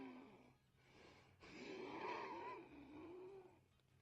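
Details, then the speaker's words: Noisy adult breathing with high, whistling, musical tones; the person says the wheezing sometimes wakes them at night, during an illness; wheezing. "yeah all right and I wake myself up sometimes because I can hear myself wheezing"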